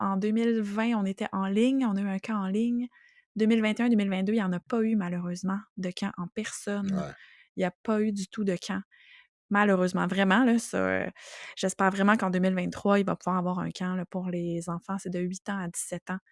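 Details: Adult speaker; ordinary speech.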